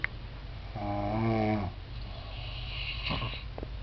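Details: Two sleepers snoring together: one loud, drawn-out snore with a low buzzing tone, followed by quieter snuffly breathing from the other sleeper.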